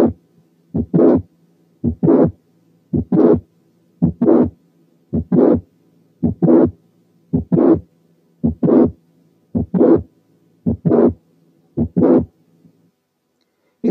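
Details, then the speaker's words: Click-murmur syndrome of mitral valve prolapse: regular heartbeat near 55/min. First sound, then a mid-systolic click followed by a late systolic murmur, then the second sound; early systole is clear. "دلوقتي بقى نسمع الكليك والمرمر مع بعض، يعني هنسمع الأول الفيرست ساوند ثم الميد سيستوليك كليك فولد باي ليت سيستوليك مامر وأخيرا السكند ساوند. لاحظوا ان المرمر ما بتبتديش الا بعد الكليك، وان الفيرست بارت اوف السيستلي از كلير."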